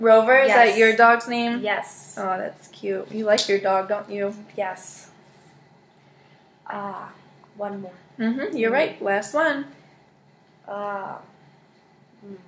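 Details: Adult woman (clinician); normal speech.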